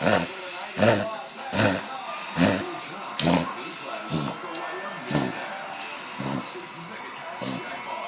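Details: A dog coughing and gagging for 4–5 days, worse over the weekend, in winter, mainly in evenings or early-morning walks; no visible throat obstruction, eating and drinking, brings nothing up; about nine harsh, hacking coughs in eight seconds.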